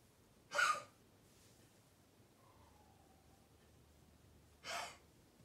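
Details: Dog with kennel cough at night: two short, harsh, forceful coughs about four seconds apart in a quiet room.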